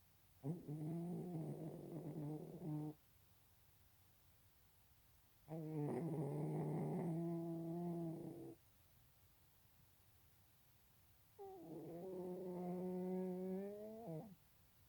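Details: Cat snoring: three long, deep, rumbling snores in about 15 seconds, roughly 10 a minute, each with a rough, growly tone.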